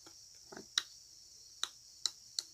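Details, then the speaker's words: Four sharp, brief clicks in the back of the throat, an imitation of a vocal tic by an adult with Tourette syndrome. "Like, it's like a click in the back of my throat."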